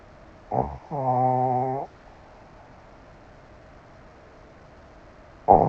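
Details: Pug: a short reverse-sneeze burst, then a tonal buzzy snore, then another burst while lying in an uncomfortable sleeping position; sneezing and snoring.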